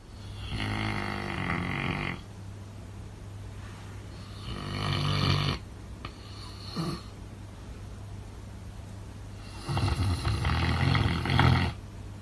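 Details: Loud, deep rumbling snores on each in-breath with quieter out-breaths in a sleeping Tibetan Mastiff dog; snoring.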